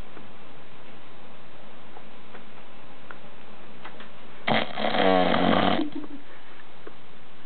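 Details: Adult man, passed out asleep after a long day of drinking: a single loud, rattling snore lasting over a second after a stretch of quiet room noise, heavy snoring in deep sleep.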